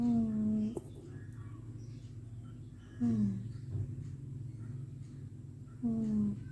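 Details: Sleeping cat snoring: slow, rhythmic rattling snore with a falling squeaky tone on each breath, about 20 a minute, in a quiet room.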